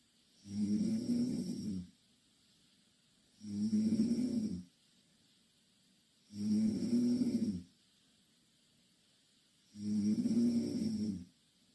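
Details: Loud snoring from two Korean girls sleeping in the same bed: regular rattling snores on each breath, four in about 12 seconds, roughly 18 breaths a minute.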